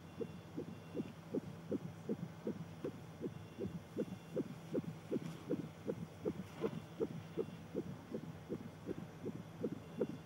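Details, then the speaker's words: Rapid, regular whooshing fetal heartbeat, about 155 a minute, on an ultrasound monitor during a pregnancy scan in a TV drama (simulated), with a sonographer offering to let the parents hear the baby's heartbeat. "that's it would you like to hear baby's heartbeat"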